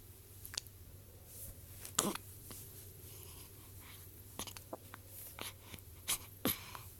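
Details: Several brief, sharp hiccups at irregular intervals in a quiet room with a steady background hum.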